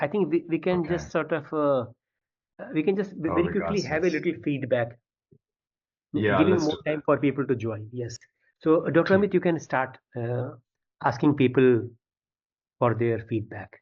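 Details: Adult male speaker; typical speech.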